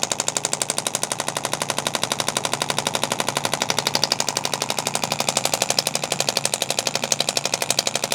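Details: Rapid, regular sharp tapping, about 4 pulses a second, from a radial shockwave therapy device on tender shoulder muscles in a university student. Shoulder pain is from carrying a heavy backpack. First-ever shockwave session, chiropractic treatment.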